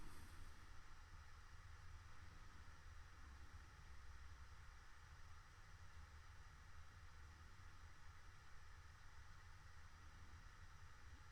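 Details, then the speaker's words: Endoscopic microsuction of a difficult, wedged ear wax plug by an audiologist, suction held for a second or two to grip the wax; continuous low rumbling suction hum: ear microsuction. "it's holding the suction on there just for a second or two allowing that suction group to build give a much tighter hold on that ear wax"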